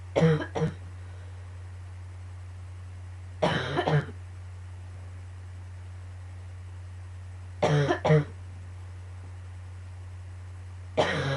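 Four separate bouts of harsh coughing, two or three coughs each, over a steady low hum of room noise; recurring coughing fits.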